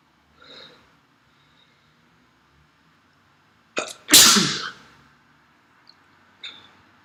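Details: An adult sneezes once, loudly and explosively, after a quick intake of breath, with faint sniffles before and after from nasal congestion; endless sniffles and heavy nasal mucus.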